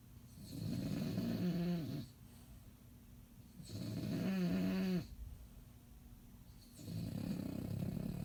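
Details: Bulldog snoring while asleep after a long day: loud, rattling snores, about three long breaths in eight seconds, with quieter breathing between them.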